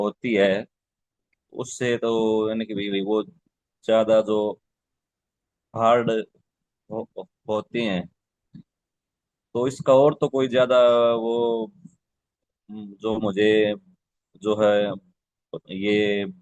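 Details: Adult participant who stammers, speaking in a Hindi-language stammering support session; real stuttering.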